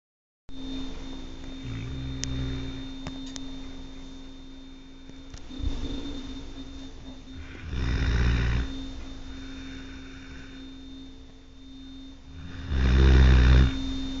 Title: My dog Tucker SNORING.. Yes, I have to sleep with this every night ! OMGGG..